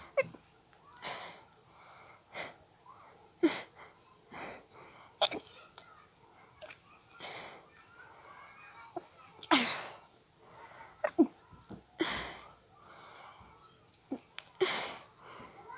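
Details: Adult with allergies stifling an intense sneezing fit triggered by a nose tickle: rapid, muffled sneezes, each a short sharp burst with quick breaths between.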